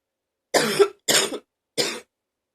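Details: Three deep, harsh coughs in quick succession, recorded in the morning after coughing during the night; deep cough.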